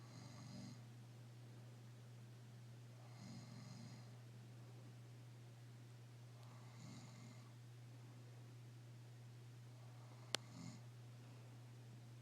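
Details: Quiet snoring: soft, rough breathing sounds recurring every few seconds over a steady low room hum.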